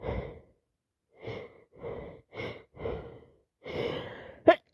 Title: Wet cold sneezes 🤧 Day 4